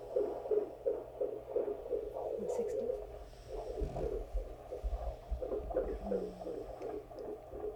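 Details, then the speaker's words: Fast, rhythmic whooshing fetal heart tones on Doppler during labour, about 170 beats a minute, over low hum; attendants think the baseline is a little higher than before: fetal tachycardia. "sorry is the baseline different now than it was before that's what i'm trying to find though um i think it's a little higher that's kind of what i think too"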